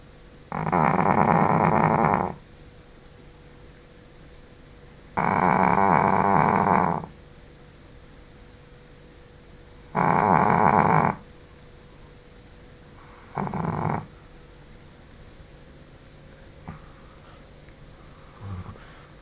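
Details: Snoring from a sleeping Pekingese dog: loud, harsh snoring bursts with each breath, about three to four a minute, in a quiet room.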